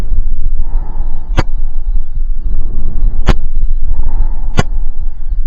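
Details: Adult patient's lungs auscultated with a stethoscope across all lung fields during a pulmonary exam: soft, even breath sounds rising and falling, with a few handling clicks; normal breath sounds.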